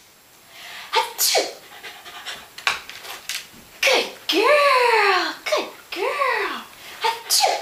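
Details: Female dog performing a newly learned sneeze trick on cue: rapid panting broken by several short, sharp nasal bursts, with praise spoken after; sneezing.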